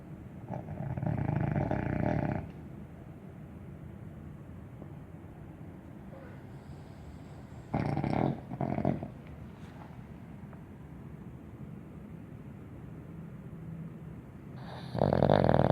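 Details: Two sleeping dogs snoring: loud, rough, rumbling breathing noises in bursts with quieter stretches between.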